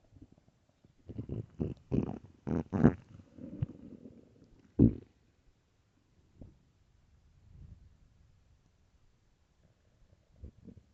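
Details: Extremely loud morning stomach growls: loud gurgling, rumbling bursts followed by quieter rumbles; ordinary borborygmi.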